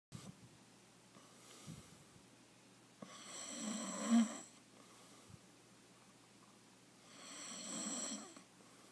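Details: Two long, rough, rattling snores from an adult man (husband) about four seconds apart, each on an inward breath, in a quiet room; loud snoring said to get progressively worse.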